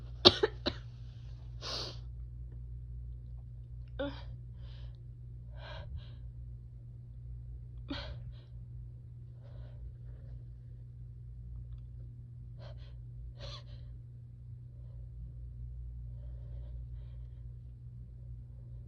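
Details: Sneezing and nose blowing after a grass/chhinkni sneezing mistake: several sharp sneeze bursts with nose blowing and breathy sniffing over a steady background hum.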